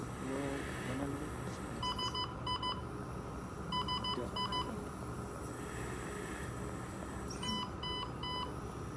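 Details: Weinmann portable emergency and transport ventilator in a training session, ventilating an intubated patient with eight liters of oxygen: groups of three electronic beeps repeating about every two seconds over room noise; an active ventilator alarm.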